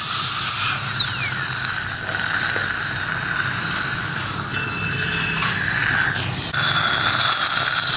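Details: Steady high-pitched dental drill whine with hissing spray and shifting pitch, during crown tooth preparation using a gum protector for aesthetic restoration.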